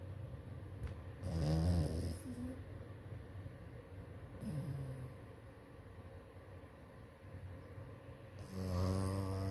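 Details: Dog snoring in sound sleep: low, rattling snores in slow repeated bursts over steady room hum; ordinary snoring.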